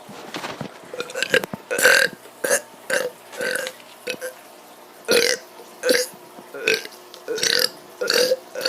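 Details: Kid burping on purpose, recent allergies mentioned: a rapid run of about ten loud, voiced burps in under nine seconds; deliberate burping.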